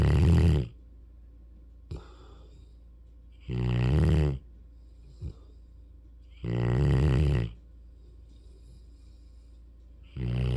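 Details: Loud, deep, rumbling snores, about 17 a minute with quiet pauses between breaths, from a sleeping Mastiff/Rottweiler puppy; snoring.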